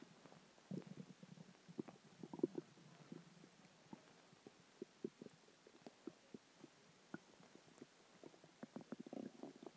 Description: A combination of dinner, water, and gas